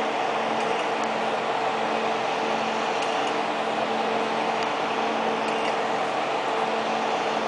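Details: Steady electrical hum with cooling-fan rush and faint ticks: 1064nm long-pulse Nd:YAG laser unit running during hair removal.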